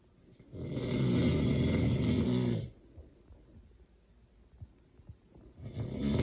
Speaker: But I'm gonna try and turn the light on so I can get proof that he's snoring so loud right now. I think you can hear him outside our door here, but he needs proof to see his face.